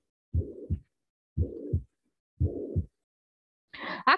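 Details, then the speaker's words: Heart sound recording, teaching demonstration: heartbeats about 60 a minute with a steady, clearly audible whooshing filling the gap between first and second sounds: heart murmur. "é um sopro bem audível então imaginei que esse sopa ele pode ser baixinho"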